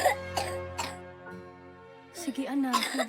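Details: Three short acted coughs from a child over music in a cough-medicine advertisement: a wet, phlegmy cough that brings up mucus; productive cough.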